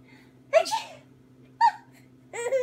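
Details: A single adult sneeze followed by short bursts of an infant's laughter in response.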